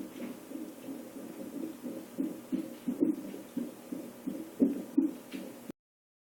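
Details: Rapid, rhythmic whooshing pulses at about 170 a minute over a steady hiss, recorded while the person had hiccups; a fast heartbeat.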